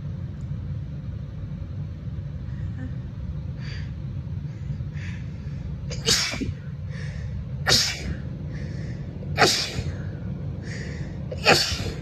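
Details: Adult female with seasonal allergies, itchy and sneezy all day with a constantly runny nose: four sharp sneezes in quick succession, each after a brief indrawn breath, over a low vehicle-like rumble; a run of allergy sneezes.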